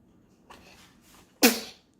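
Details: Baby boy: a short breathy intake followed by one sharp, high-pitched burst. A single infant sneeze.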